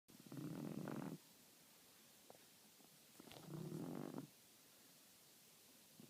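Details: Blind French bulldog asleep: two rough, low rattling breaths about three seconds apart, each lasting about a second; steady snoring at roughly 20 breaths a minute.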